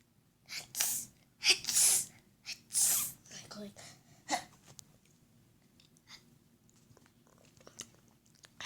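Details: Child imitating how family members sneeze: several sharp, hissing 'achoo'-like explosive bursts in a row with quiet room noise between; imitated sneezing.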